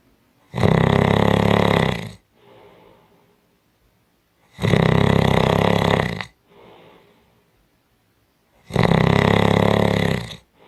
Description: 5 Minute Audio clip of Strong Snoring